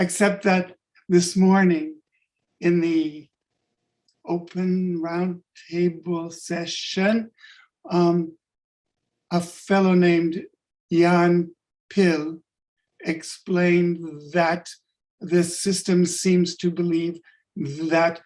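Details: Adult man with late-onset stuttering from functional neurological disorder; five years ago woke unable to speak with up to 20 seizures daily; speech regained but not fluency; adult-onset stuttering.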